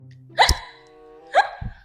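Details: Hiccups acted for a comedy short: two sharp voiced hiccup sounds about a second apart over background music.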